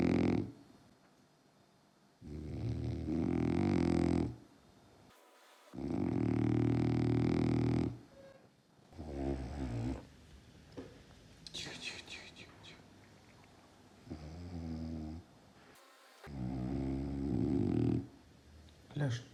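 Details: Old French bulldog sleeping curled up: loud, rough, rattling snores repeating about every three to four seconds; snoring.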